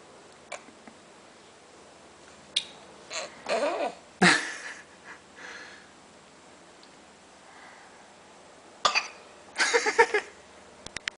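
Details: Young child wanting big people food gives a few short, harsh coughs and throat-clearing sounds in a quiet room.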